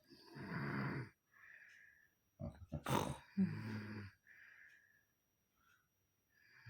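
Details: Rough, grunting inhaled snores alternating with soft hissing exhalations, about two breaths, from a sleeping person; snoring.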